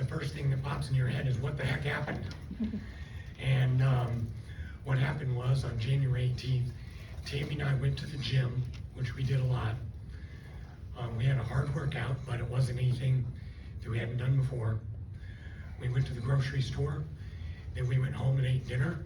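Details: Adult after a left cerebellar stroke from a neck artery dissection, with the left vocal cord affected; the cords do not seal, so breaths are needed while talking and long speech is impossible; also lost swallowing function; dysphonia from unilateral vocal fold paralysis.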